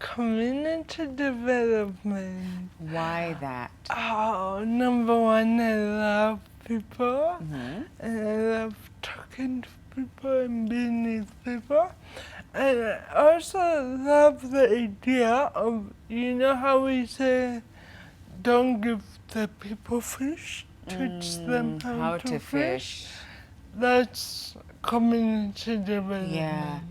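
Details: 25-year-old woman with cerebral palsy from birth brain damage due to lack of oxygen during her mother's prolonged labor, affecting leg and hand movement, coordination and speech; dysarthria (cerebral palsy).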